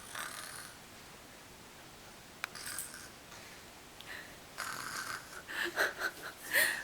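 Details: Toddler aged 1 year 5 months, asked what grandpa sounds like sleeping, makes a few short, breathy, rasping snorts with quiet room noise and voices toward the end: imitated snoring.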